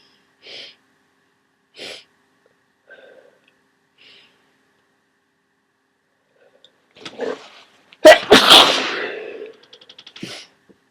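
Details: Faint sniffs and catching breaths build to one forceful, explosive sneeze with a trailing exhale, during a head cold.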